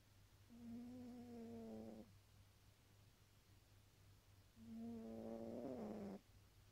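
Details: A sleeping tabby cat snores: two drawn-out, tonal, buzzy breaths about four seconds apart, roughly 15 breaths per minute, over a low steady hum.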